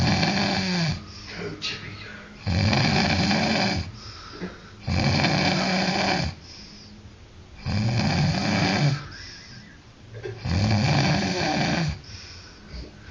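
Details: Loud snoring, nicknamed a 'snore roar': rough snores at regular intervals, about five in thirteen seconds, with quiet breathing between them.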